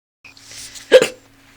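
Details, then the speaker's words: Sober person, feeling unwell, with hiccups after a long time without: single sharp, abrupt vocal catch with a short voiced tail in a quiet room; hiccup. "but I'm sober right now and I don't feel good but I have the hiccups right now and it's pretty weird CU I haven't had the hiccups in so long"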